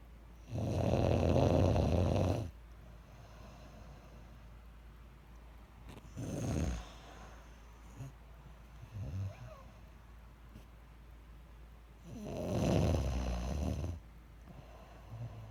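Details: Loud, harsh snores about every six seconds, roughly ten breaths a minute, with quieter breaths between; steady sleep snoring.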